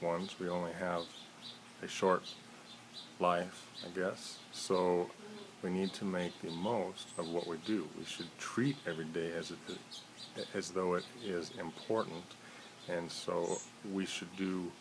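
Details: Adult man who stutters, on day 305 of a daily phone-call challenge to overcome his fear of stuttering. Stuttering.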